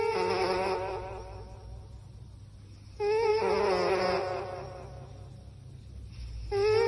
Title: When the cat's snoring sound is amplified by a loudspeaker.